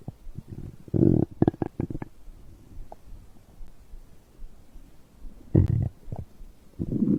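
Low gurgles and quick bubbling pops of stomach growling, ordinary digestion sounds after a drink.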